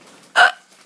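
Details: Young child hiccups while laughing during play with mom and aunt.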